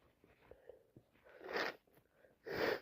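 Quiet catching breaths build to two forceful hissing sneezes; repeated sneezing with allergies.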